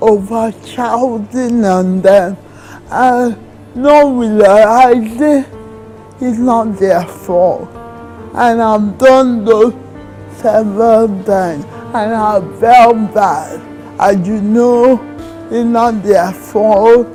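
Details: Dysarthria in a woman in her 30s with cerebral palsy diagnosed in childhood.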